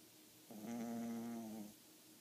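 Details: 5-year-old dog snoring while asleep in a funny pose with eyes showing white: single drawn-out, buzzing, slightly tonal breath sound of about a second in a quiet room.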